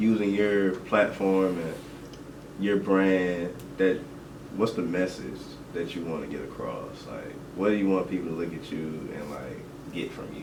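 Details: Adult male speaker; normal speech.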